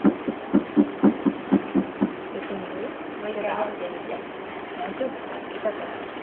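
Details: Heartbeat of a 2-year-11-month-old child heard at a science museum: regular, quick beats at about 120 per minute, fading under background chatter; a normal child's heartbeat.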